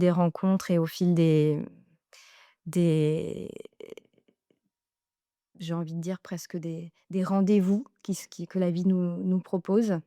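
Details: Adult woman speaking French; Normal speech.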